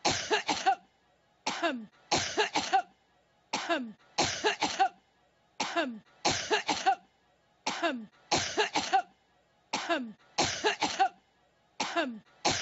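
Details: Looped coughing bout: clusters of three quick coughs repeating steadily about every two seconds.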